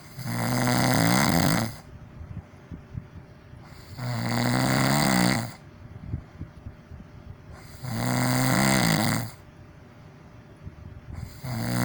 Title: Amusing Sounds - Part 2 - Snoring